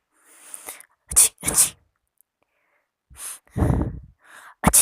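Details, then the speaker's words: Acted, imitated sneezes in a comedic demonstration of sneezer types: several quick, sharp bursts in a row separated by short breaths and pauses. "तो चलिए आज का वीडियो शुरू करते हैं। तो आज का जो हमारा पहला स्नीजर है वो है साइलेंट स्नीजर।"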